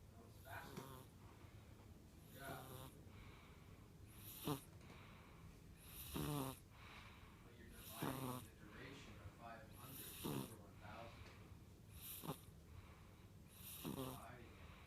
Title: Lincoln 5 wks snoring